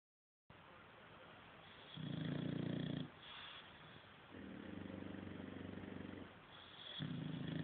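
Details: Two bulldogs taking turns snoring: loud, low, rattling snores in long drawn-out bursts with quieter gaps between them, over steady background hiss.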